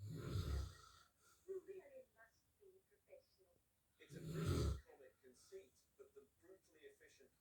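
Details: Father snoring: two loud, low, rattling snores about four seconds apart, with quiet breathing noises between them.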